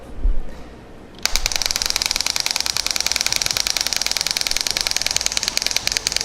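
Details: Radial shock wave device treating the sides of the Achilles tendon, radial head perpendicular to the tendon: after a brief pause, rapid even clicking pulses at about ten a second.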